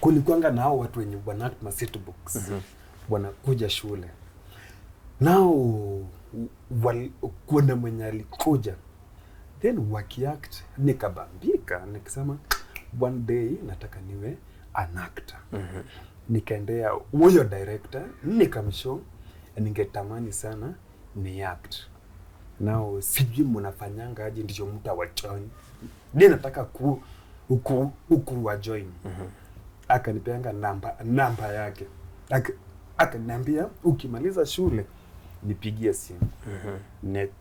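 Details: Stuttering (stammering) in an adult Kenyan male comedian who began stammering in school; he finds plosives difficult and avoids them by switching between Kiswahili, English and Luo, shakes his head when stammering, and stammers more in cold seasons.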